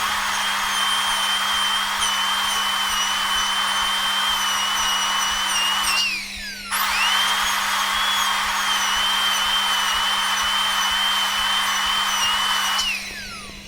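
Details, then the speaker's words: Steady high-pitched dental drill whine, stopping briefly and restarting over a low mains hum, deepening a class 1 cavity to 1.5–2 mm on maxillary premolar tooth 14: dental drill. "We have to take care about the width, okay. We have to create the depth of 1.5 to 2 mm."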